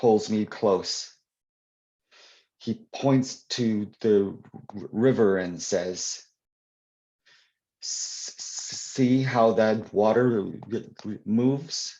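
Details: Adult male who stutters, answering a question during a live Q&A; audible part-word repetitions; stuttering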